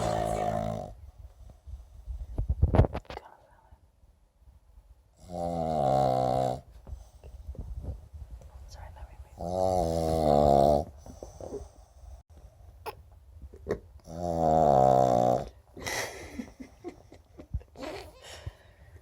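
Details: A sleeping Pug dog: loud, rattling snores with quiet pauses between them, about 13 breaths a minute; snoring.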